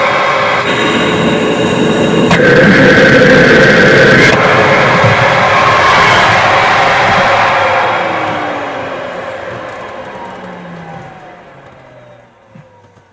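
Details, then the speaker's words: Person with DMD and weak cough using a cough assist machine each morning to clear mucus: a loud, steady rush of air that swells then fades, one mechanical insufflation-exsufflation cycle. "So that's one cycle. And every morning I do that three times just to get rid of any excess mucus from the night."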